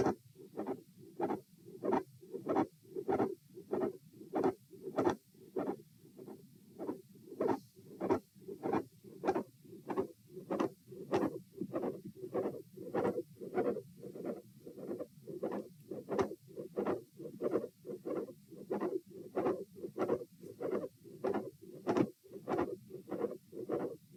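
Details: Auscultation stress test at chest position A, recorded standing: regular heartbeat near 97 per minute with a sharp mid-systolic click and a split second heart sound.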